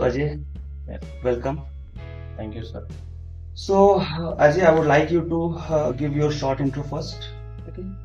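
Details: Adult male speaker; typical speech.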